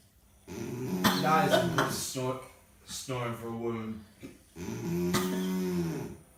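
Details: Loud snoring: three long, rattling, buzzing snores with a growling, vibrating quality in a small room.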